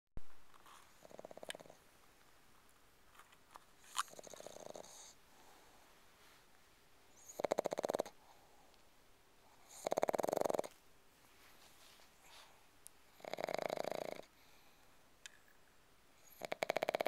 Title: Snoring and Sleeping